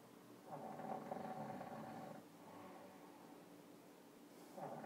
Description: Monkey covered in shaving foam snoring after eye brow removal